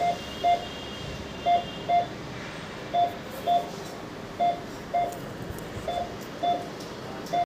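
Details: Pulse oximeter used on a cardiac monitor, showing only pulse rate and oxygen level: regular short electronic beeps at about 40 a minute, tracking the pulse.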